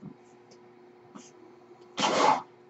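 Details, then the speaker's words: Speaker's own mechanical ventilator, audible while he talks: a brief, breathy hiss of air against a quiet room hum; one ventilator breath. "hello everyone my name is you're hearing his boy ventilator and welcome to page turners"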